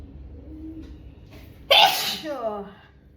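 A faint intake of breath, then one loud, sharp sneeze that trails off into a voiced sound.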